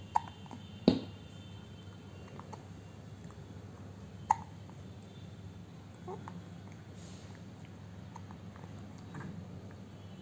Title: Newborn baby hiccup